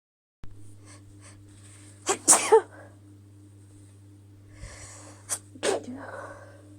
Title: Chhikni hitching sneezes (f)